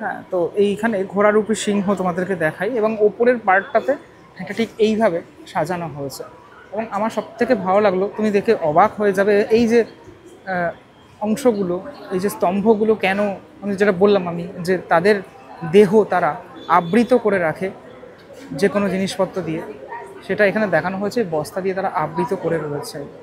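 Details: Adult woman speaking; normal speech.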